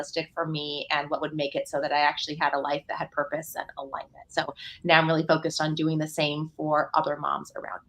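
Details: Adult woman; normal speech.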